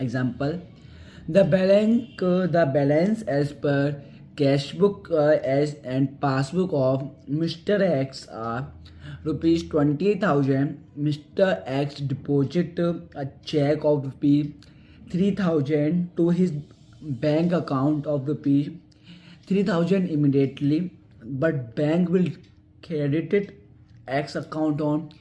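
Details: Stuttering (stammering) in a man doing stammering reading practice, reading an English passage aloud, with an audible phrase repetition.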